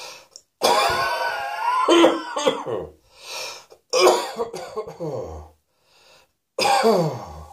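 Several harsh, voiced coughs and throat-clearing bursts in a small room, with breaths between; repeated coughing, acted.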